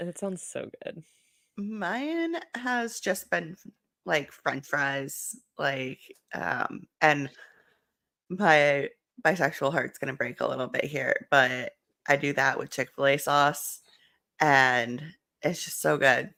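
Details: Adult speaker; typical speech.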